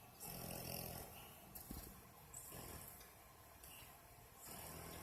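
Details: A female dog asleep and snoring like a person, with rough, rumbling breaths and a low rattle on each cycle, about four breaths in five seconds; her lips move at times as if talking in a dream.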